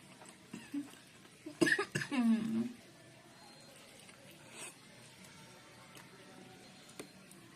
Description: Makan dimsum sampe batuk batuk karena keselek chili oil.